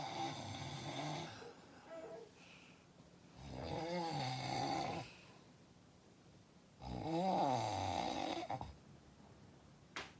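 Loud, rough, rattling snores on each breath in, roughly 17 breaths a minute, with quiet pauses between them.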